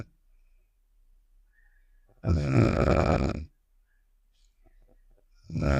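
A loud, rough, rattling snore lasting over a second, followed by silence and the start of another; a cartoon snoring sound effect.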